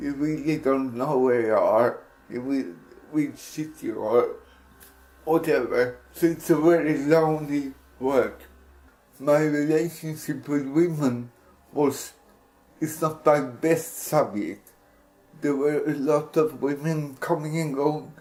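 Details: Speech of an adult man with cerebral palsy (CP injury); possible dysarthria, no specific speech disorder named.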